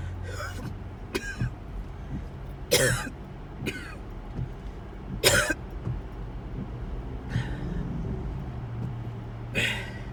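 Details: Series of coughing attacks recorded in a car on the way to the hospital ER: repeated short, harsh coughs in clusters over a steady car engine hum.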